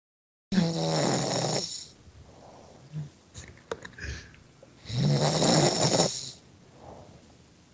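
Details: A person who fell asleep during a Skype call snoring: two loud, rough snores on the breath in, with quieter breathing between, heard over the call line.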